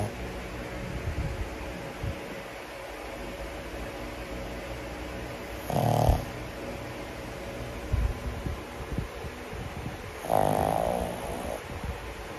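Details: Loud, rough snores in a quiet room from a sleeping 10-month-old pug: snoring.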